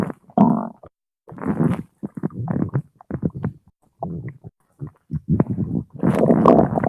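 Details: Irregular gurgling, rumbling bursts separated by brief silences: hunger stomach growling in a 17-year-old male.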